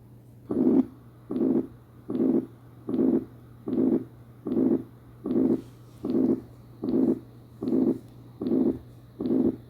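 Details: Ventricular septal defect, MRCP cardiovascular exam teaching: harsh holosystolic murmur at the left sternal border filling each beat, regular at about 76 a minute, low hum behind.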